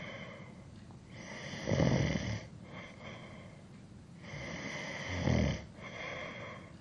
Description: 3 hours of a male snoring to help You sleep better at night.